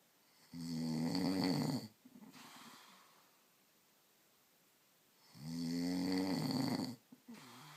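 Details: Adult man (husband) snoring in sleep: two loud, rattling snores on breathing in, each followed by a quieter breath out; heavy snoring.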